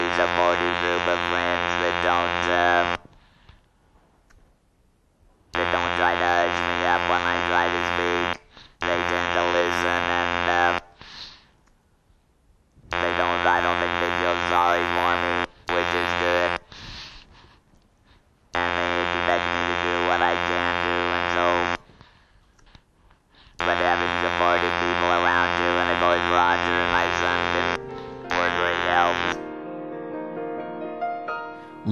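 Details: Electrolarynx speech from a person after laryngectomy (surgical removal of the larynx): speech carried by a steady mechanical buzz of fixed pitch, in bursts separated by pauses.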